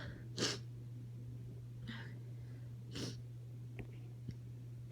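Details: Woman with allergies at night, stifling sneezes to avoid waking her partner: several muffled, held-back sneezes and sniffs over a steady low hum; stifled allergy sneezing.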